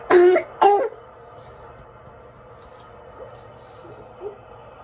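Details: Child coughing, recorded for a video-call doctor appointment: two short, forceful coughs in quick succession followed by quiet room noise; cough.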